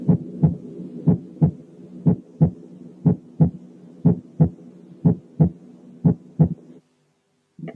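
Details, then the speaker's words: Normal first heart sound, single and pure, in regular heart sounds at about 60/min with no extra sounds. "بعد ما تعرفنا على الساوندز من بعضهم نركز على الفيرست ساوند لوحده وننسى كل شيء تاني ونسأل نفسنا هل يا ترى الفيرست ساوند ده واحد وبيور ولا في حاجة تانية معاه. نسمع الأول النورمال فيرست ساوند."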